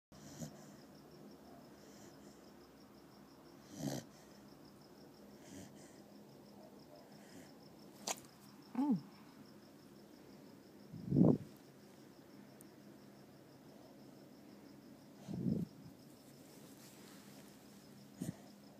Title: Snoring Penny